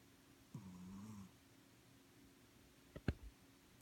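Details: Pet cat sleeping: one low, buzzing snore followed by a couple of brief knocks in a quiet room; ordinary sleep snoring in a cat.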